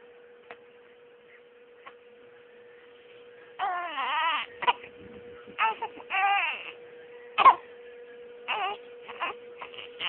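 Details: Infant crying in short, wavering bursts separated by pauses and small sobbing sounds.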